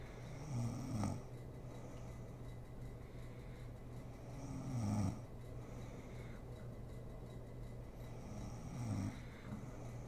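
Soft, low snores about every four seconds, roughly 15 breaths a minute, over steady background hum.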